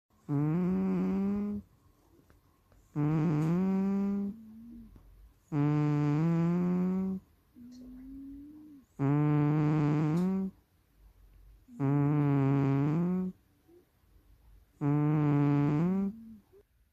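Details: Tuxedo cat snoring: loud, regular, buzzy, tonal snores, one with each breath, about 21 a minute, quiet exhalations between; snoring.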